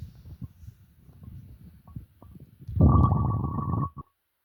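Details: Belching with upset stomach: soft low gurgling, croaking stomach rumbles, then one loud, deep, drawn-out burp lasting about a second.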